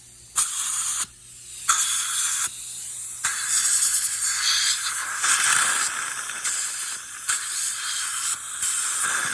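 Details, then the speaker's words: Dental air-water syringe rinsing during a root canal of maxillary second molar #15, after mesiobuccal canal cleaning: bursts of loud hissing spray with suction noise. "Okay, and then now I'm going to rinse. A little water."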